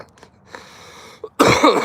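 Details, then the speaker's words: Adult with a cold, who says smoking prolongs it: one loud, harsh cough burst after near silence in a quiet room. "You hear that cough? See, you want to You want to know something stupid about me? I'll tell you. Let me tell you something stupid about me. I got a cold, okay?"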